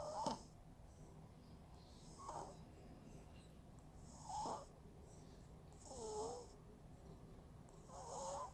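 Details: A baby girl snoring for the first time while asleep: gentle, regular, soft and even snoring sounds with each breath, about 30 a minute.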